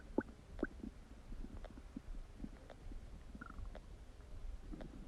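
Quiet gurgles and bubbling rumbles, with a few sharper squeaks early on; ordinary stomach rumbling.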